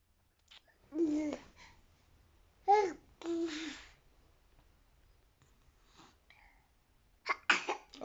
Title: Worst fake sneeze baby ever